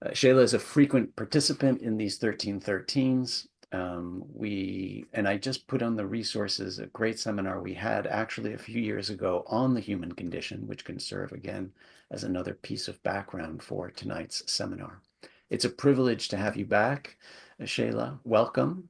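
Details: Adult male speaker; Normal voice.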